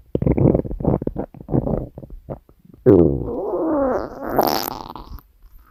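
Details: Woman's stomach growling recorded while she sleeps: low bubbling gurgles followed by a long, rising and falling rumbling growl from gas and fluid moving through the gut; ordinary borborygmi.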